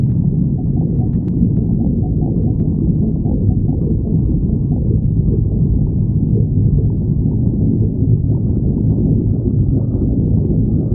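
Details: Continuous low, rumbling, gurgling stomach sounds with no pauses or voices; borborygmi (stomach growling).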